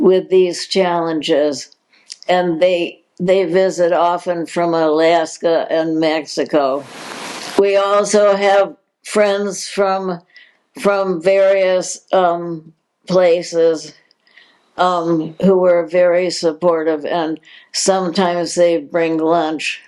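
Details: Adult woman diagnosed in 2020 with progressive supranuclear palsy, a progressive incurable neurological disease, with repeated words and hesitations; speech disturbance in progressive supranuclear palsy.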